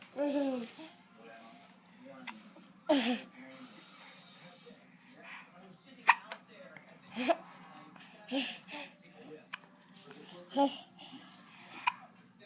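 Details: A recurring episode of hiccups in a female who seems to like them: sharp, brief involuntary gulping sounds at irregular intervals, about seven in twelve seconds, with faint background noise.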